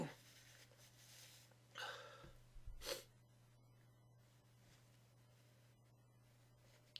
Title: Sneezing into tissues